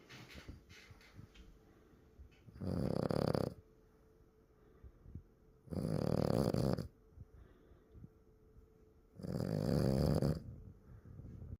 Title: Baby Frenchie snores #puppy #bulldog #franchbulldog #dogsofyoutube #cute #snoring #snore